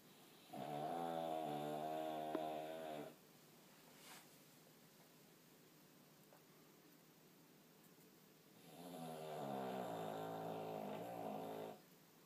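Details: Light snoring from Blinky, a sleeping pet: two long, soft, buzzing tonal snores about six seconds apart, regular.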